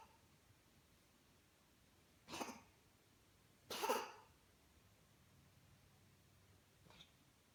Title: Iggy coughs 😢